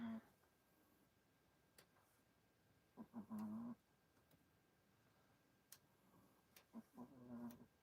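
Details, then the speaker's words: Pet dog snoring audibly in the background during an indoor recording. Snoring. "Can you hear the dog snore?"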